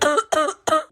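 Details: Simulated cough in a comedy skit: Junior, whose cough is blamed on the air conditioning, gives three quick, voiced, hacking coughs in a row; cough.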